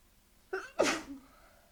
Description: So I tried really hard to induce the sneezes and this was all I could get out!